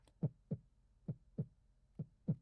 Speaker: So here is S1 and here is S2.